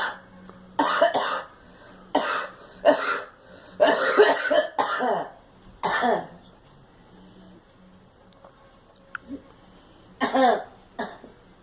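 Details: Repeated bursts of coughing, about seven, from a girl in a quiet room, with a steady hum in the background.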